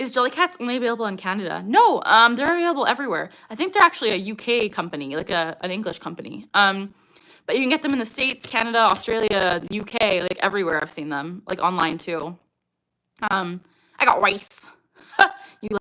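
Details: Adult woman with Tourette syndrome; echolalic vocal tic "I got rice" at the end; Tourette syndrome (vocal tic).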